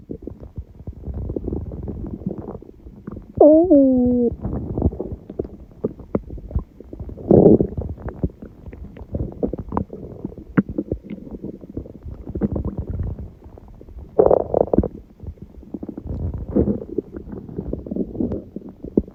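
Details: Continuous gurgling, rumbling stomach growling (borborygmi) with bubbly pops and a brief squeaky gurgle; recorded at 1:30 am, about six hours after eating too much udon, the first gluten in a while.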